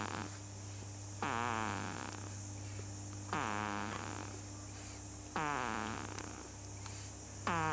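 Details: Huxly, 8 weeks old, snoring while asleep: rhythmic, slightly tonal snores about 28 per minute over a steady hum.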